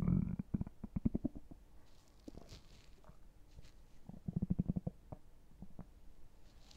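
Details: Two bursts of rapid bubbling, popping stomach gurgles with a quiet gap between; ordinary bowel sounds, borborygmi.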